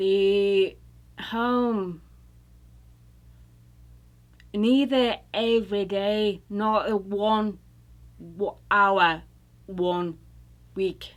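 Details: UK woman recovering from a stroke, attending an intensive aphasia therapy program, with non-fluent, agrammatic speech; Broca's aphasia with apraxia of speech.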